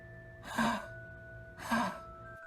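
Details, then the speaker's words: Two harsh, honking noises drawn in on inhaling, a coughing sound in a dog; inspiratory honking usually means cervical tracheal collapse, common in small breeds. "Honking during inhalation usually means cervical tracheal collapse common in small breeds."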